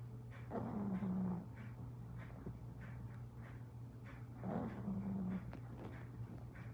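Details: Pug dog snoring: two long, buzzy, rattling snores about four seconds apart with soft snuffling between them.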